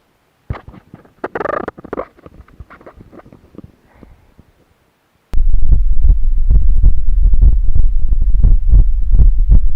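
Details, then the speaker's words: Speaker's own heart recorded with a digital stethoscope streamed over Bluetooth to a laptop: steady regular lub-dub beats at about 80 per minute after brief rustling, with no rub; normal heart sounds. "अभी जो आपने आवाज़ सुनी ये है normal heart sound."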